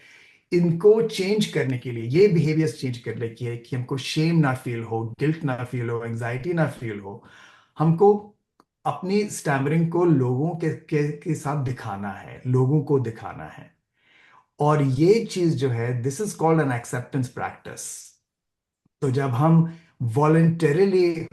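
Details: Adult man, stammering self-help session co-leader, who says he stammers and is wired that way; repetitions of short phrases and words with "uh" fillers heard; stuttering.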